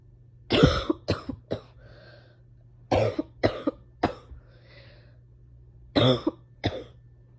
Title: Painful coughing fit